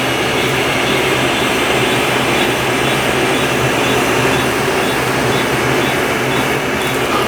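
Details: Steady loud whooshing hum of a running machine, with no clear pulses, from a laser hair removal device during a client's 13th treatment session, including the upper lip area.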